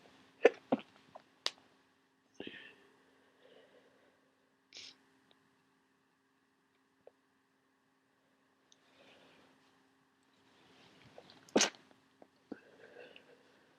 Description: This fit woke me up.